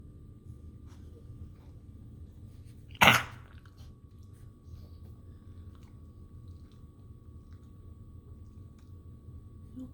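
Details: Dog cough: a single short, sharp cough against a quiet background with a low steady hum.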